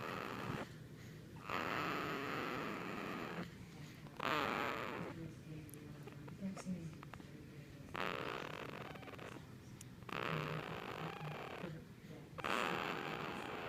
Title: Not even a day old and already snores